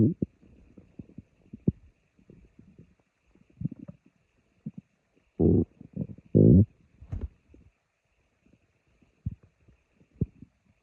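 Irregular gurgles and low rumbling bursts, with a few louder growls in the middle. Ordinary stomach growling from gut movement.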